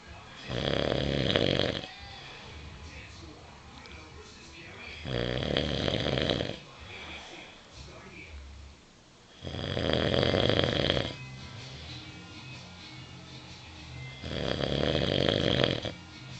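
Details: Man's loud, rough snores about every four to five seconds, four in all, with quieter breathing and faint background sound between; described as a weird, spooky snore; snoring.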